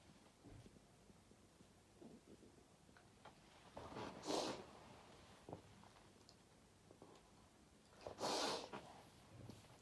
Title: Hayfever sneezing